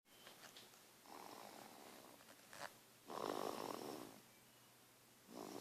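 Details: Snoring from a sleeping baby; soft, breathy snoring on longer breaths against a faint room hiss, mild infant snoring.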